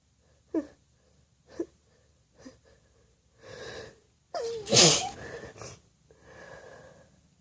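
Several short inhaled catches build to one loud, wet, explosive sneeze, with breathy sniffing before and after.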